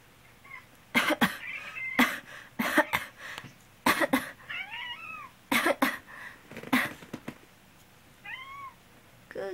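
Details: Adult cat owner with a cold coughs about ten short, harsh coughs in small clusters, while a black cat meows softly between them.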